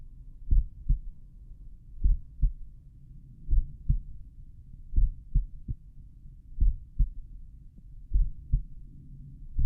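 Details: Slowed-playback stethoscope recording at the mitral area of own heart, lying on back: dull paired thumps repeating steadily over a low background rumble.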